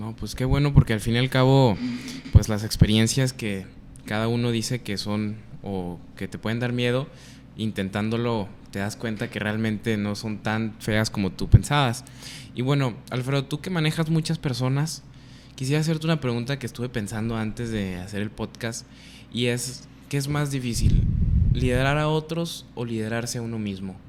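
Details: Adult male speaker; Normal fluent speech.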